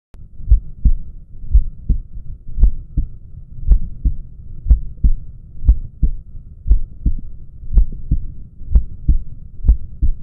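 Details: Steady, regular heartbeat at about 61 beats per minute, with clear paired lub-dub sounds over a low hum; normal heartbeat.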